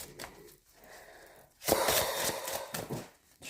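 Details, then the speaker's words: A pet cat's single noisy, fluttering snore-like breath, heard in the background after a quiet stretch in a small room: snoring. "OK alors qui c'est qui est avec nous là alors déjà chouchou he parce qu'on entend les ronflements derrière ça c'est clair"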